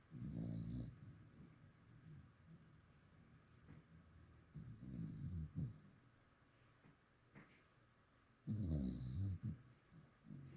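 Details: Low rumbling snores every few seconds with a higher whistling hiss in between, recorded in bed; the speaker says the sound is not coming from them: snoring.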